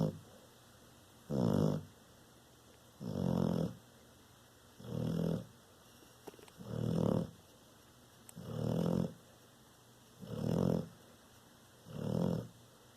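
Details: Bullmastiff–American Bulldog mix sleeping, snoring every night for five years: loud, low, rumbling snores evenly spaced at about 33 per minute; snoring.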